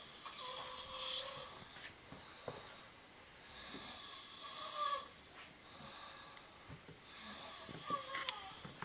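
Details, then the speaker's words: Sleeper snoring in bed at 6 am on a weekday: soft, airy snores at about 18 a minute, with a faint whistling tone on some breaths and slight clicks between them. "Because our guest is snoring like hell."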